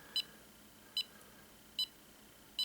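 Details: Regular high beeps, about 75 a minute, from an EMAY EMG-20 portable ECG monitor held in the hands and tracking each heartbeat; steady rhythm, with the device reporting no abnormalities such as atrial fibrillation.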